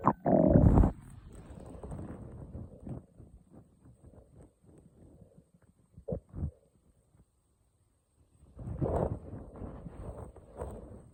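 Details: Stomach growling (borborygmi) on waking in the morning: gurgling, bubbling rumbles in irregular bursts with a few louder squeaks.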